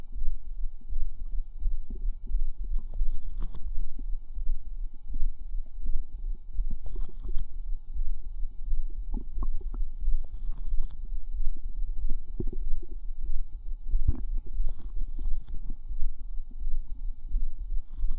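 Irregular low gurgling, bubbling and squelching from the gut. Ordinary bowel sounds.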